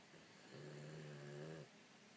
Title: Seven Snores